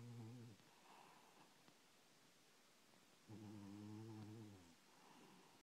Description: My cat snoring and dreaming.